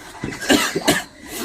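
An adult man gives two or three short, harsh acted coughs in a small room; a staged cough in a comedy skit.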